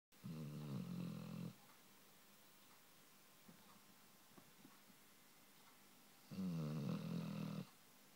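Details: Sleeping dog gives two loud, rumbling snores on breathing in, with a quiet pause between them; ordinary snoring.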